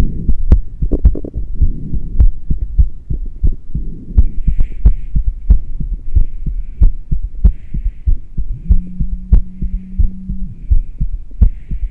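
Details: Heartbeat recorded while breathing into a plastic bag through a straw with no fresh air, after about ten minutes of intermittent rebreathing.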